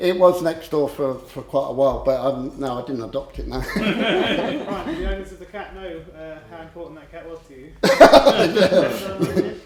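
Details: Adult male speaker; normal speech.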